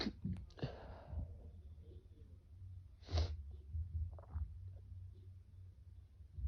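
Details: Adult male stifling sneezes induced by Chhinkni sneezing powder; several muffled, held-back sneezes, short bursts through a closed mouth over steady room hum.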